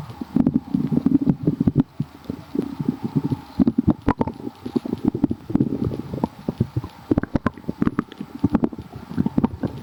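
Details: Continuous bubbly gurgles with irregular popping and clicking bursts throughout: loud, active stomach growling (borborygmi).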